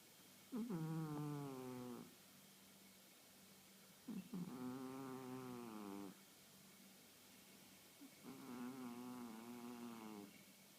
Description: She a 1.5 year old house cat who's just started snoring on a daily basis.